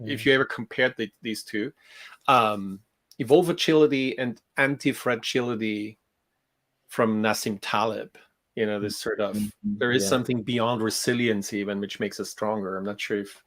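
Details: Adult male speaker; typical speech.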